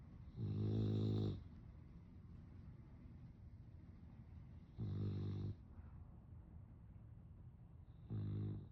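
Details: A pet that snores a lot, snoozing in her favourite position: three deep, buzzy, vibrating snores at irregular spacing, about fourteen a minute, with quiet breathing between.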